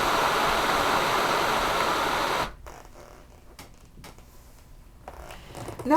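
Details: Steady loud rushing airflow from a ResMed S9 CPAP unit with humidifier, heated tubing and nasal mask, ramp turned off so it starts straight at the set pressure of 8, then cuts to quiet handling noises.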